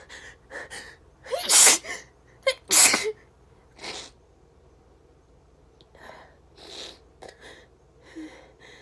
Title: Sneezing